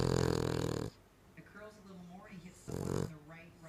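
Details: King Charles Cocker Spaniel dog sleeping: loud, rough, rattling snores with soft whining and whimpering between them; very loud dog snoring.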